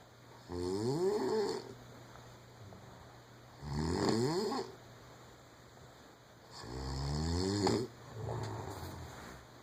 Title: My wife doesn't think she snores